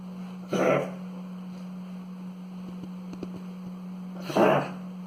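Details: Eight-month-old male pug that began coughing the previous night, still eating and drinking normally, nose not wet: two brief, harsh, snorting cough bursts several seconds apart over a steady room hum.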